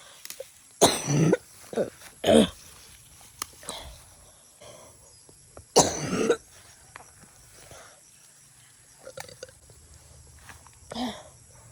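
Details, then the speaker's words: Adult outdoors gathering fern vegetables, with a severe cough that won't go away despite many medicines: three loud, harsh coughs with smaller ones and throat clearing; persistent cough. "Grabe po guys ang ubo ko. Hindi na naalis."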